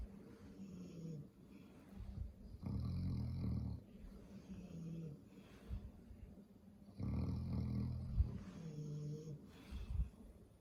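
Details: Two long, rumbling snores about four seconds apart with quieter breaths between, from a dog sleeping after eating; ordinary snoring.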